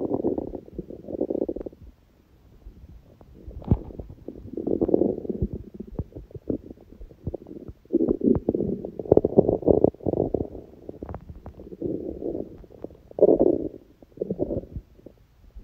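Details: Hunger stomach sounds from an empty stomach, recording that also includes sneezing: repeated low gurgling and rumbling noises with brief pops; normal hunger borborygmi.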